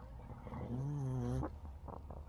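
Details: Partially deaf pug, sleeping on a bed, snoring: a low, rumbling snore with a rising groan-like tone, then quieter breathing noises.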